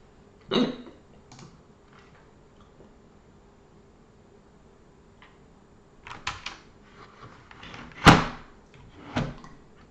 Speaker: I have a really bad hiccup right now. I've had it for over an hour, as you can hear.